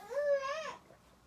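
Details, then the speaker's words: Teething baby boy crying briefly after falling over onto his side: a single short wail that rises and then falls; an ordinary infant cry. "Sorry, sweetie, I know you hate it when you fall over. You fell on his side, he's like, ah."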